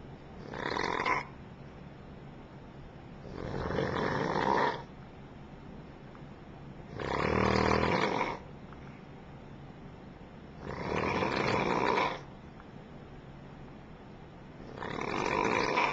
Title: Dude Snoring in Hotel Room *RUDE*